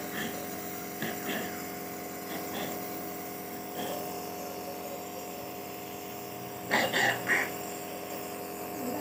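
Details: Person with a cough receiving nebulizer treatment: steady mechanical hum of the nebulizer compressor, with a few faint voices and a child's brief sounds.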